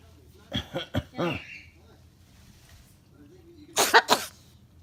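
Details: Blue-and-gold macaw mimicking a human cough: a short series of cough-like bursts, a fake cough rather than a sign of illness.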